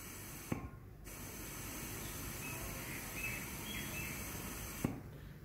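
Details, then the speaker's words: Training demonstration of an Oxy Viva 3 oxygen demand resuscitator on a non-breathing patient, mask sealed over nose and mouth: a click, about four seconds of steady gas hiss until the chest rises, then a release click. One manual ventilation breath. "step number six press the manual ventilation button on the demand resuscitator until the chest rises then release"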